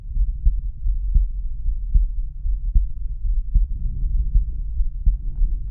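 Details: Male heart auscultated with the stethoscope diaphragm over the aortic area: steady low heart thumps at about 75 beats a minute.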